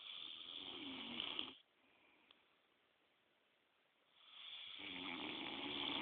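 Two loud, rough, rattling snores separated by a quiet pause. Heavy snoring from vibration in the upper airway during sleep.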